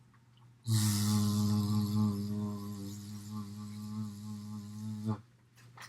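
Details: 67-year-old male with a weak voice following recent thyroid surgery, second trial of sustained /z/ in the s/z ratio task assessing vocal fold closure; dysphonia on sustained /z/ (s/z ratio task).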